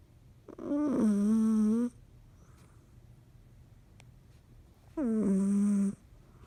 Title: Cat snoring loudly